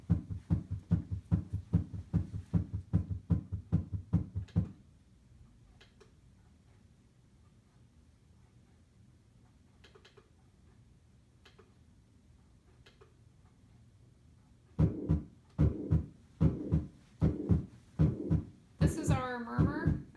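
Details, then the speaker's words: Simulated heart sound on a SAMII simulator: regular lub-dub with a squishing sound on top, indicating a faulty valve with mixed blood flow: heart murmur. "um so for this you hear the love dub love dub love dub love dub but on top of it you hear this squishing sound so that's indicating our murmur so something with the valves isn't working and we have a mixture of blood flow"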